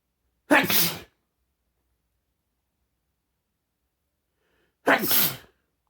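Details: Two forceful sneezes about four seconds apart, each a sharp burst of noise with silence between; sneezing.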